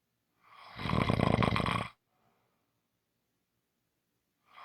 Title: Short snoring Audio